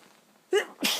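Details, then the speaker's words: Person lying in bed in the dark early morning, nose tickling, trying to hold back repeated sneezes: a quiet breath in followed by one sharp, breathy single sneeze. "Oh, I can't stop sneezing. Oh my. Oh, it's tickling so bad. I've been trying my best to hold it back, but it don't."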